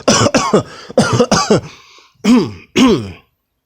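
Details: Adult gives a quick series of short, rough throat-clearing coughs, then two longer voiced clears; speaker mentions reaching for NyQuil.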